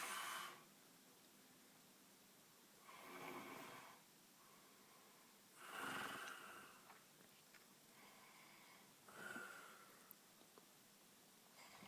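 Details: Soft, breathy snores with a nasal edge, roughly every three seconds, in a quiet room; ordinary snoring.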